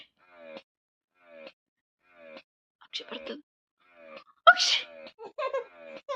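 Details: Short repeated voiced sounds, then a mother's single sharp, forceful sneeze, followed by more voices, while her baby girl finds it funny: sneezing.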